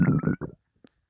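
A short low gurgle in two pulses, then a faint bubble; gas and fluid moving in the stomach, ordinary borborygmi.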